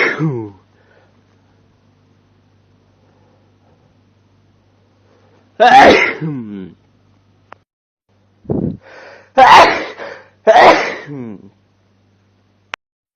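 Four loud, forceful adult male sneezes, some with a short gasping build-up, separated by silence.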